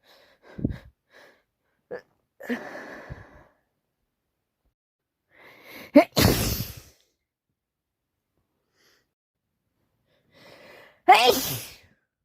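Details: Sniffs and gasping intakes building up to two forceful sneezes in a person with a bad cold, caught from a sneezing man at the doctor's; repeated sneezing alongside nose blowing.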